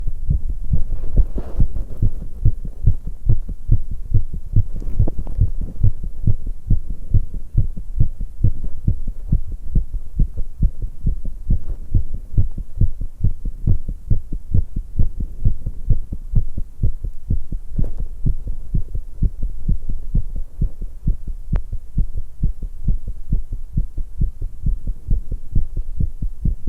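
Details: 19-year-old female's fast, pounding heartbeat after exercise, with brief swallowing while drinking tea and stomach gurgles in places.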